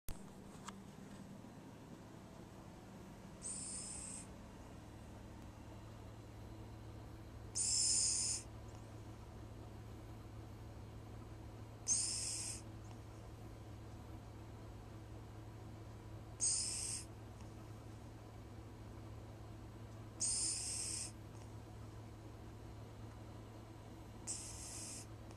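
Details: Sleeping cat snoring with an odd whistle: a short, high whistling snore on each breath, about 14 breaths a minute.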